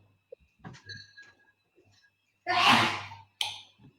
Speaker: Bless you. He heard you sneeze then.